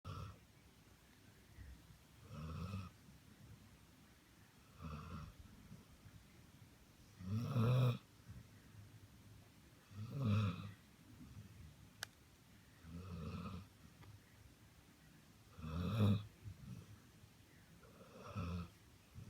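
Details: Low, rumbling snores recurring with each breath, roughly 23 a minute, in a quiet room; ordinary snoring.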